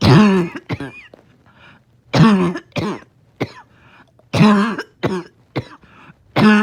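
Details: A dog in the morning, having a hard time resting, gives three bouts of harsh, honking cough bursts, several short hacks per bout, each with a slightly wheezy edge: a barking cough.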